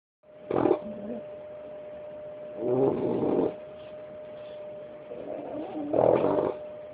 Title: Bullet the Bulldog snoring at 5 months old.